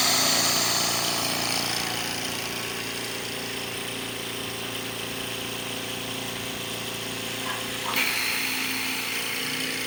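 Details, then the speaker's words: Steady mechanical hum and whir with a brief clunk near the end; Invacare Platinum 10 oxygen concentrator running normally at 10 litres after compressor replacement. "escucha bastante bien y ahora sigue revisar las fugas"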